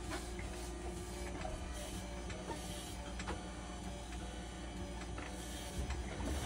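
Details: Hemodialysis machine continuing its heat disinfection cycle after a leak was found during disinfection and a broken tie wrap was replaced; steady low hum with rhythmic pump clicks and soft hissing.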